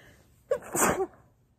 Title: A couple hanky sneezes